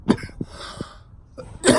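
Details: Adult with a very bad cough and flu or possibly some virus, still unwell and coughing uncontrollably: a few harsh, loose-sounding coughs with throat noise between them, in a small room.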